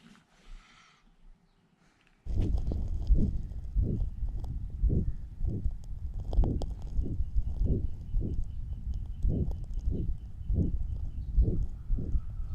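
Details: Grade 4/6 heart murmur in a 7-month-old male German Shepherd puppy with severe left ventricular outflow tract obstruction (peak gradient 164 mmHg) and left ventricular thickening: fast, regular heartbeat with a loud whooshing murmur between beats.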